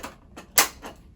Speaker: that it would then slide back into if you do need more than one pump. And you'll hear a click.